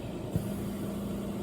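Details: Steady low mechanical hum with one soft knock from a stationary 5-litre oxygen concentrator (Lifestyle Mobility Aids LM5A) running at about 4 litres per minute after a low-flow alarm; compressor running.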